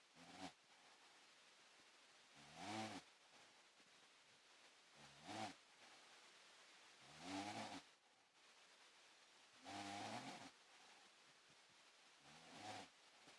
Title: Mommy snoring